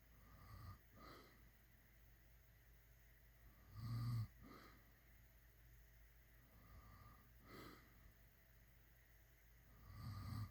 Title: #snoring #snored #shorts SNORING